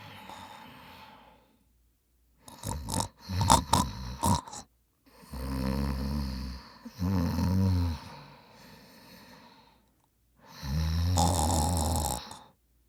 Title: Annoying Sounds & Noises. My Brother Snoring. What a noise. It Just Winds Us Up. Please Enjoy.